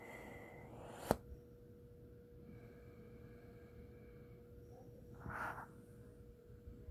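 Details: Abnormal whirring from a CPAP machine: a steady, mid-pitched whine over quiet room noise; the supplier judged the unit faulty and in need of replacement.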